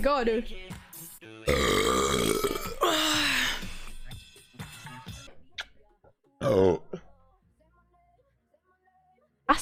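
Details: Woman burping: several loud, drawn-out voiced belches between bits of talk and laughter, with music in the background; ordinary burping.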